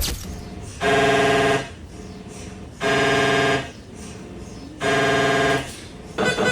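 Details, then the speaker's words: Conventional MRI scanner during a head scan, with a knocking pattern that changes every few minutes: loud buzzing bursts, each about a second long, repeating every two seconds. "Ini ketukan polanya berganti-ganti ya setiap beberapa menit dan ini berlangsung terus selama proses scan. Suaranya kurang lebih kayak gini, Sob."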